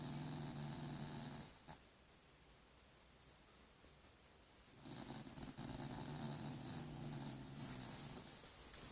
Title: Snoring puppies